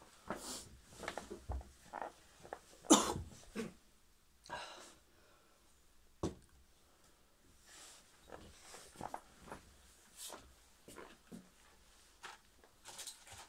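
Several short, separate coughs and throat-clearing bursts with quiet gaps in a small room.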